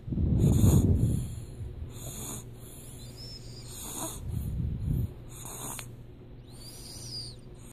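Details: Baby sleeping and smiling, light snoring: soft low rumbling breath noises coming and going, faint background hum.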